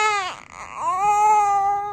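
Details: Newborn girl's clear, strong cry with brief catches for breath, shortly after vaginal birth at 38+ weeks after about half an hour of pushing.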